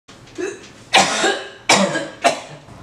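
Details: Comedy skit about cough or sneeze reactions: three loud, abrupt cough bursts after a brief throat sound, each fading quickly in a small room; cough.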